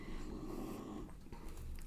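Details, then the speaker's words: Loud snoring from someone said to have been unwell, heard during a live painting stream. "can you hear siral he's like snoring really loudly he hasn't been well"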